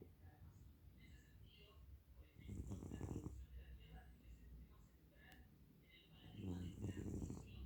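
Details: Cat snoring in sleep: two rough, low snoring breaths about four seconds apart, with faint chirping sounds and room noise in the background.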